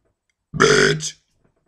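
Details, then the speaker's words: Deliberate burping of an English swear word: one loud, voiced, rumbling burp lasting about half a second, then silence; burping. "hello today I'm going to make some English bad words burping as some of you ask I'll start"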